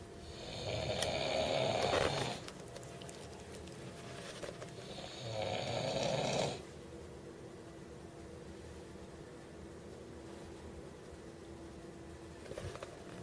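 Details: Person snoring while sleeping during a trip to Brazil: two harsh, buzzing snores on the in-breath with quiet gaps and faint room hum.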